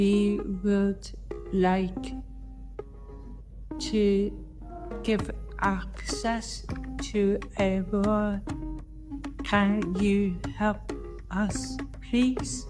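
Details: Person with aphasia speaking; aphasia.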